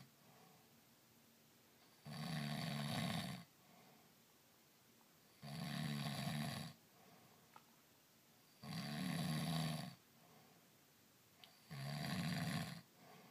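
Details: Adult man sleeping after a day of back-country skiing: four loud, rough inspiratory snores with quiet pauses, about 19 breaths a minute; ordinary snoring.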